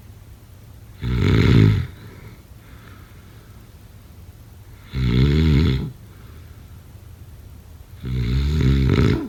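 Three loud rattling breaths in with quiet breaths out between them, about 16 a minute: heavy snoring.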